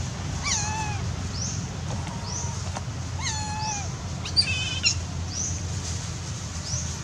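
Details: Tiny wild newborn monkey with its leg stuck in a tree: repeated high, falling and rising squealing cries with short gaps; infant distress cry.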